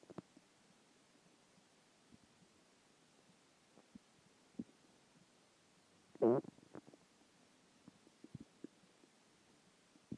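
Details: Quiet background with scattered faint gurgles and one louder growl: hunger stomach growls after a skipped lunch, a normal finding.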